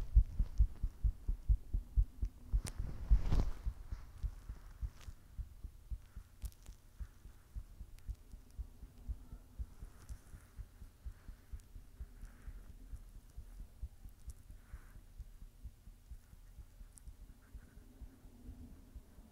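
Soft, regular low thumps of a heartbeat, roughly 65–70 beats a minute, with faint background hum and a brief rustle early on.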